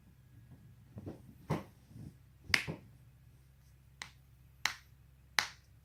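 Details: Several sharp, separate pops and cracks in a quiet room, about six in all, as neck and back joints are self-cracked; joint cavitation.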